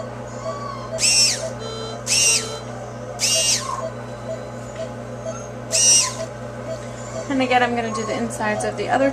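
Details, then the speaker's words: Dental prophy polisher on a dog's teeth during a veterinary dental cleaning, used briefly on tooth surfaces and slightly under the gum line to smooth them: steady low machine hum with repeated short high whirring bursts. "this just helps smooth out the surface if there was anything on the teeth and also from the cleaning sometimes"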